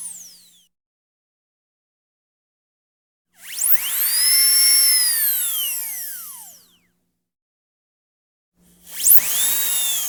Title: Dentist Drill Sound Effect - Sonido Torno de Dentista - Effet sonore de forage de dentiste